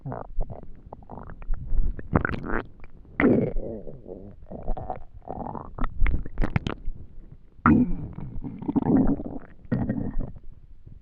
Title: Hungry stomach noises last video of the year 🎉🎊